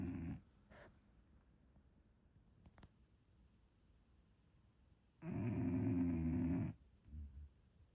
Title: Snoring? How MUCH really? English Bulldog